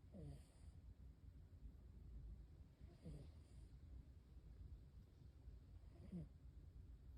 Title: Snore 🔊🎵